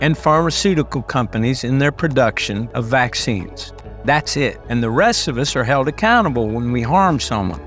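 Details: Adult male speaker; typical voice.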